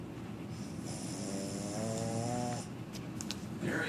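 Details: Single drawn-out, rattling snore on inspiration with faint room noise and TV sound around it; ordinary snoring.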